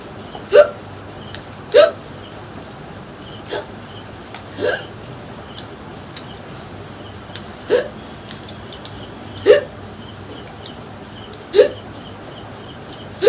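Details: Ongoing bout of hiccups, about eight sharp, brief hiccup sounds in thirteen seconds at irregular spacing over steady room hum, during a long-duration hiccup challenge in a Bengali vlog.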